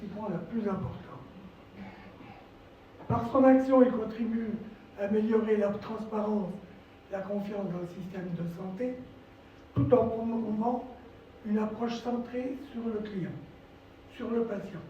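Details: Adult man, a former nurse, with dysphonia from vocal cord lesions and respiratory problems following coronary bypass surgery, complications including pleural problems, and 4 months in intensive care.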